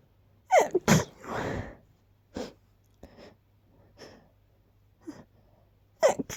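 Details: Person partly holding back sneezes, causing big buildups: sharp gasping intakes followed by forceful explosive bursts, with a longer breathy exhale after the first; sneezing with audible buildup breaths.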